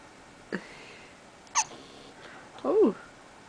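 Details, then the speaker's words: Young child with hiccups, apparently woken from sleep: three short, abrupt catching sounds about a second apart, the last slightly voiced, in a quiet room. "Uh-oh. You got the hiccups? Oh."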